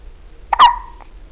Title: Cutest baby with hiccups!